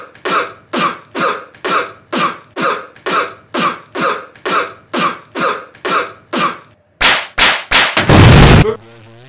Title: 1 minute cough